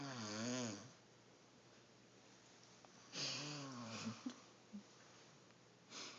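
Two loud, rattling, buzzing snores on in-breaths a few seconds apart, with quiet pauses between; ordinary snoring in a quiet room.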